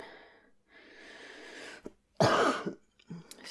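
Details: Simulated cough by a woman acting a superhero with a cold in a role-play recording: breathy throat sound, then one harsh loud cough burst and a short follow-up.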